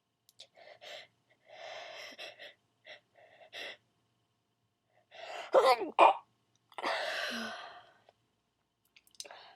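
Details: Quiet build-up breaths, then a couple of sharp, deliberately held-back sneeze bursts and a long breath out, performed on request; stifled sneezing.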